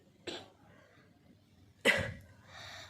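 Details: Two short coughs from a child with flu, cough, fever and a chest infection, kept home from school, the second louder and harsher, with faint room noise.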